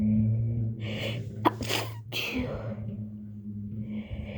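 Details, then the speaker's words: Girl with a cold since yesterday, who also has allergies and a reactive nose, in a sneezing fit: a sharp, forceful sneeze after a breathy gasp while trying to hold sneezes in. Faint background music. "Oh, guys, I can't stop. I'm trying to hold in my sneezes, but it doesn't work, you guys."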